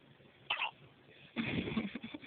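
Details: Two short, abrupt catching sounds against quiet room noise; hiccups.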